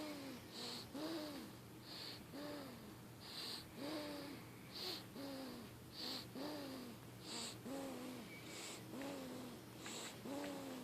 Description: Little dude snoring. Yes he's cute